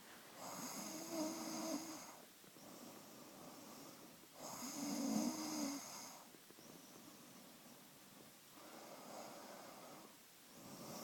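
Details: Rough, fluttering sounds on breathing in alternate with quieter breaths out, about 15 breaths a minute: snoring.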